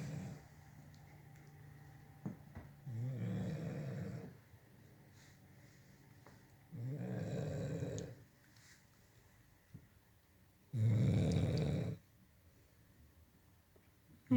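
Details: Blue Nose Pitbull (female) snoring while asleep at night: slow, deep rumbling snores, three breaths in about 14 seconds, each a low rattling inhalation.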